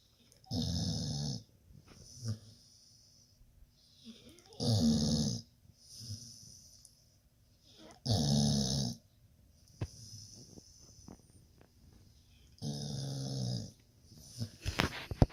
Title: Snoring